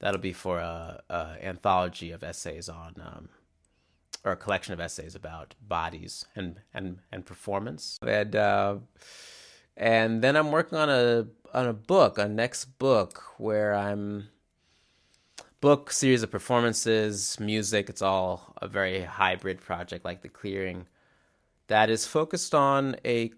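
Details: Real stuttering in a male musician and artist who describes mainly glottal blocks, often silent, as well as repetitions; finding: stuttering.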